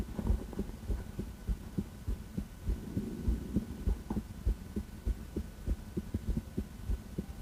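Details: Female heart auscultated with a stethoscope: steady, regular soft thumps at about 100 a minute over a low hum; heart sounds.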